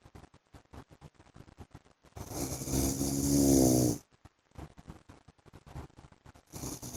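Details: One loud, rough, rattling snore from a sleeping husband lasting about two seconds, with a second beginning, over rapid ticking clicks; adult snoring.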